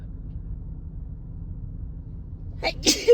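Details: Woman with a Christmas cold: quick in-breaths then a sharp explosive sneeze over steady vehicle rumble, among big teasing sneezes and a couple of doubles.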